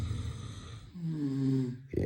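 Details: A sleeping man snoring at midnight on Christmas: a low, rattling breath followed by a sustained droning, buzzing tone.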